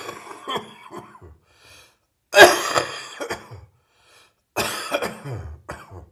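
Repeated heavy, harsh coughing in short bursts, consistent with a chest cold cough.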